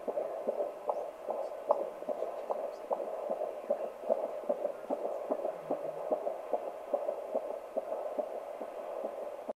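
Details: Simulated fetal heart tones in an OB nursing simulation: rapid, steady fetal heartbeat near 145 per minute, heard through a whooshing simulated monitor, within the normal range.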